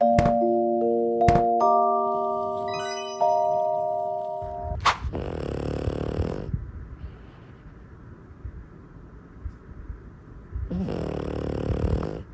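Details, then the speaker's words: Sleeping pug snoring: chiming music opens, then two harsh, rasping snoring breaths several seconds apart. "Did the pugs snore louder or quieter than you thought they would?"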